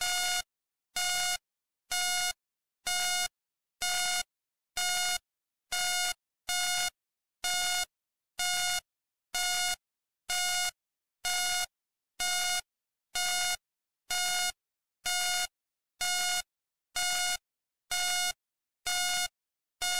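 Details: Hospital ambience sleep-sound recording: steady, regular electronic beeps at about 63 per minute, each a clear bright tone with silence between; a patient monitor beeping.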